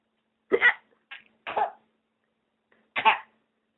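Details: A mother hiccups: several brief, abrupt, involuntary gulping catches separated by silence, typical of hiccups.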